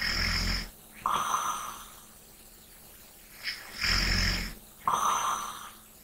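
Slow breaths with a rasping, fluttering snore on each breath and softer breathing between; snoring.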